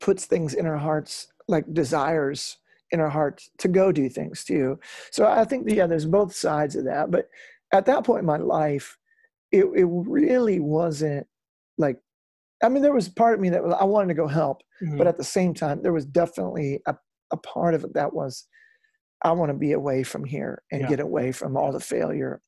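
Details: Adult male former rock lead singer with incurable spasmodic dysphonia, which began at the height of his singing career and was first taken for hoarseness; doctors could not fix it; still affected and audible in his speech; spasmodic dysphonia.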